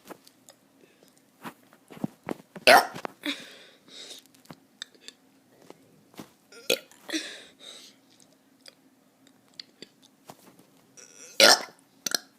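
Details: Child deliberately belching: three loud voiced burps between quieter mouth noises and clicks in a small room; burping.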